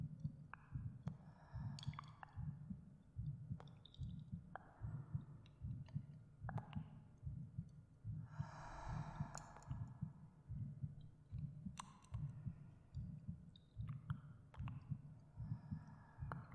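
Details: Recorded human heartbeat in a binaural ASMR meditation: soft steady low thumps, about 74 beats per minute, under quiet breathing and faint echoing cave sound effects; normal heartbeat.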